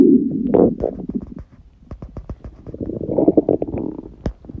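Loud gurgling and bubbling rumbles with rapid popping clicks from an empty stomach; ordinary bowel sounds during fasting.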